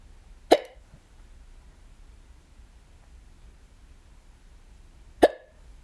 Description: i had the hiccups a few days ago while i was home by myself. i actually got them more than once that day, this is from the first case.